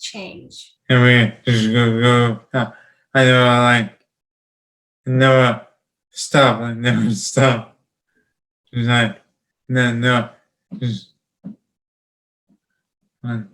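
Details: 31-year-old man with non-fluent (Broca's) aphasia, apraxia of speech and dysarthria after a traumatic brain injury in a 2016 car accident; he has word-finding difficulty and speaks slowly.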